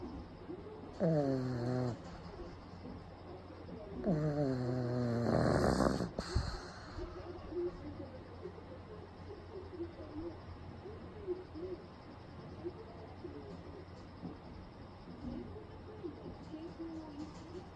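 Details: Pug napping with eyes rolled back to the whites: loud, rattling snore bursts with snorts on a few breaths, then quieter snuffling breathing; snoring.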